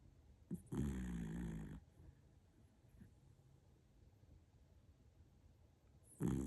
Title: Dog sleep and snores